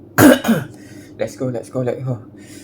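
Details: Cough while eating very spicy instant cup noodles during a mukbang: a sharp double cough burst, then brief voiced throat sounds.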